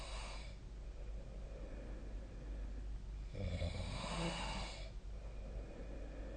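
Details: Person asleep, snoring recorded with the SnoreLab snoring app: one long, rough, low breathing sound over a steady low room hum; snoring during sleep.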